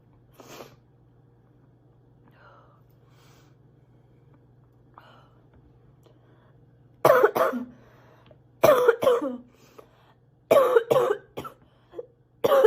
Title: sick girl coughing a lot ❣️